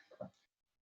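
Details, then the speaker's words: Dog snoring while lying on the floor after a long walk. "so yes I have a snowing dog on the floor forgive me for that"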